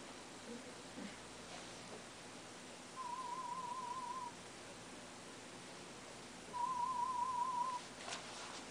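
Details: Two brief warbling tones over quiet room noise, presented as sound-field stimuli in an aided hearing test of a cochlear implant user with a low battery and tinnitus, who reports difficulty telling the tones from the tinnitus.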